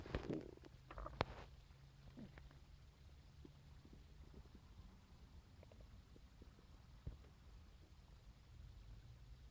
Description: this morning i woke up to the sound of my stomach and decided to record them with my phone for you guys ^-^